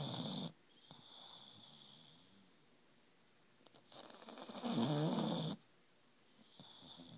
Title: Snoring bulldog